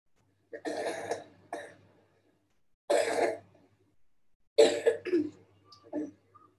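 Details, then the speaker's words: Child with a disability and a swallowing problem gives several short throat-clearing wet coughs to clear upper airway secretions, which is typical of a swallowing problem. "this is another kid with similar problem with a slightly different tonal nature of the cough so you can see how they cough to clear their throat"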